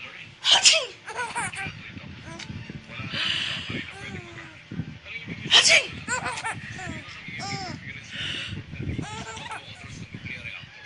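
Two sharp, explosive bursts about five seconds apart amid background talk and outdoor noise, consistent with sneezes.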